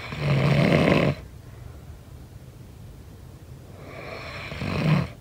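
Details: Snoring sound effect during sleep: two coarse, rattling snores separated by a quiet pause and a rising breath.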